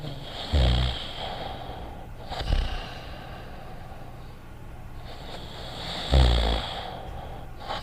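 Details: Acted cartoon snoring by the character Dogtanian from an animated series: deep, rough snorting snores recur about every five to six seconds over a low steady hiss.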